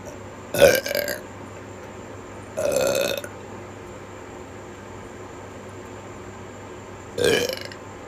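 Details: Ordinary burping: three loud, drawn-out voiced belches spaced several seconds apart over a steady background hum.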